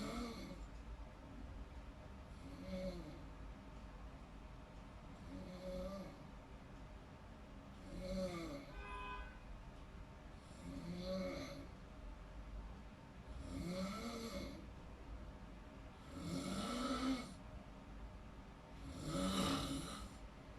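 Regular rattling snores on each breath, about 7 breaths in 20 seconds, rough vibrating tone during sleep; snoring.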